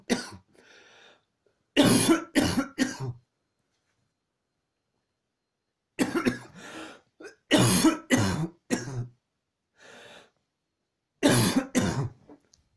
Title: Coughing fit